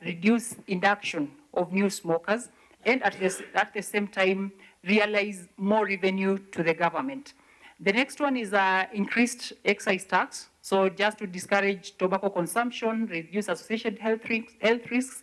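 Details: 69-year-old man who survived smoking-related throat cancer and had his voice removed, speaking with an electrolarynx device held to the throat: electrolarynx speech after laryngectomy.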